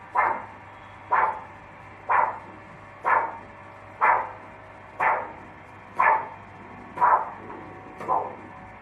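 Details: Regular pulsatile whooshing flow sounds, about 61 a minute, over a steady low hum, from an 8 MHz unidirectional Doppler on an automated vascular Doppler recorder used for ankle-brachial index testing; normal arterial Doppler signal.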